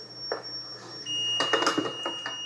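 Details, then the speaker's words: Defibrillator charged to 150 J in a demonstration example: a steady, high, continuous alarm tone from the fully charged defibrillator, awaiting discharge via the energy-select button. Defibrillator charged alert tone. "그래서 샥을 중지를 해야 되는데 이미 얘는 지금 샥을 주기 위해서 전기를 가득 머금고 있습니다. 그런데 빨리 전기를 풀어줘야 됩니다. 그리고 또 시끄럽잖아요, 선생님."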